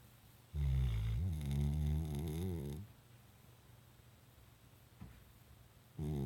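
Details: Sleeping dog gives a long, low, rattling snore, then a few seconds of quiet breathing before the next snore.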